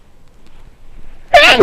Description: Caught a cold and was feeling quite sneezy